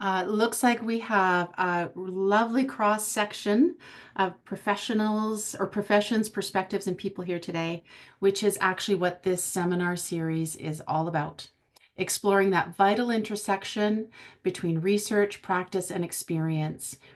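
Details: Adult woman speaking; normal speech.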